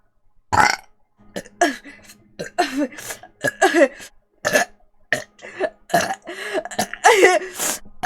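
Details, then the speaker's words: Vtuber streamer burping from swallowed air: a run of loud, drawn-out belches repeated many times over eight seconds. "Oh, that's all the air that I ate. That's all the air that I freaking ate."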